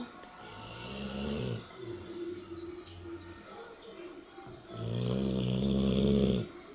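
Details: Snoring during sleep: two loud, rough, low rumbling snores several seconds apart, with a quieter breath between them.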